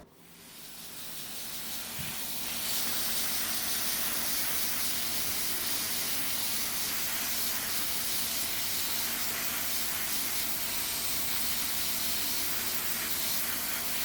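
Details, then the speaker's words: A long, continuous hissing spray lasting over ten seconds as chlorhexidine antiseptic is sprayed liberally during cleaning and trimming of thick, dark toenails with diagnosed fungal nail infection. "This is chlorhexidine, it's an antiseptic. We like to spray a lot of it."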